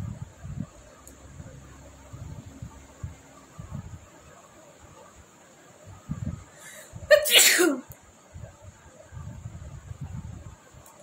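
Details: Sneezing challenge: one loud, sharp, uncovered sneeze after a brief catch of breath, deliberately induced with chili powder, amid quiet rustling.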